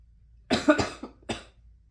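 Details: An adult woman recovering from a respiratory virus (possibly undetected Covid or RSV) coughs with hacking coughs.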